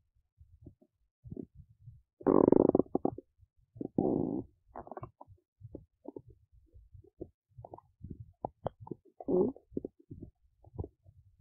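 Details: Belly noises recorded while digesting oats: irregular gurgles, squelches and longer rumbling bursts, ordinary bowel sounds of digestion.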